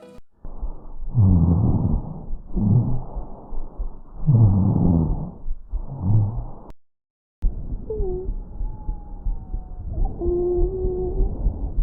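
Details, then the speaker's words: Abnormal (adventitious) breath sounds heard on lung auscultation with a stethoscope over the chest. "Así como el médico puede oír ruidos respiratorios normales, también puede escuchar ruidos respiratorios anormales, y estos son"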